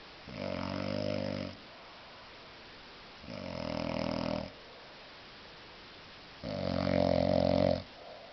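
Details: A very drunk adult man sleeping off a heavy drinking session gives three long, loud, buzzing snores, each on a breath in, with quiet pauses between; heavy snoring in deep sleep.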